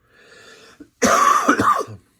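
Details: Single harsh cough with a throat-clearing quality and short trailing rasp after a faint breath in, from an adult recovering from a week-long cold.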